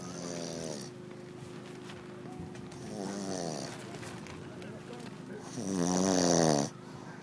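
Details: Slow, harsh rattling breaths from a sleeping man, the last one loudest, with a faint steady hum in the background; ordinary snoring.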